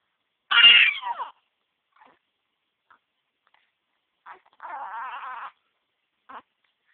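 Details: An infant nephew crying in upset bursts, with brief, sharp catches between the cries that fit hiccups.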